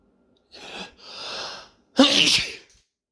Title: More attempts at announcing sneezes